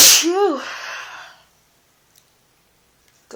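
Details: Adult sick with an awful cold, sneezing in bed: a single loud sneeze with a voiced, rising-then-falling tail, followed by quiet.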